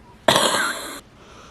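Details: One harsh, dry cough burst lasting under a second in a quiet room; a cough in an adult woman with chronic asthma during a flare, considering urgent care.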